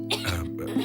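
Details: Two short acted coughs from a young girl over steady background music, in a soap advertisement where she has cough and fever after the change of season.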